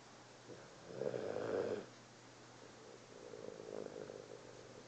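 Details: Sleeping cat napping after a long day: soft, low snuffling snores over a steady background hum; gentle, harmless snoring.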